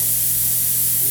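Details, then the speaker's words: Dental prophy jet unit (not a Cavitron) on a test run with the foot control half depressed. It mixes baking soda powder, water and air into an abrasive slurry, giving a steady hissing spray with a nice halo and a low hum; working normally. "is your slurry mixture or your powder water and air to form the abrasion to clean the food surface we have a nice halo meaning to spray the water"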